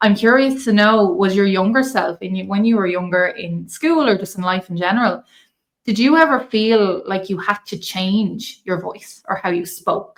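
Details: Adult woman speaking; normal fluent speech.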